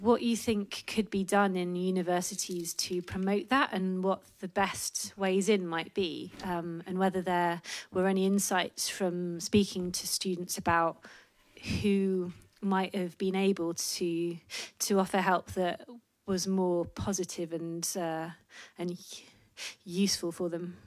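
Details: Adult woman speaking; typical speech.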